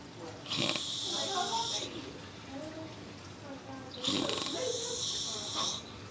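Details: Overweight man snoring: two loud, rough snoring breaths with a harsh rattling intake, a few seconds apart, over faint room noise.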